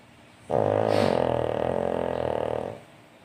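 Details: A single loud, long, buzzing snore lasting about two seconds; snoring.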